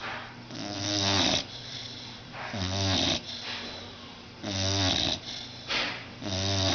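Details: Blue nose pit bull, about 6 months old, sound asleep on a sofa after a bath: loud, fluttering snores on each breath, roughly 30 breaths a minute; snoring.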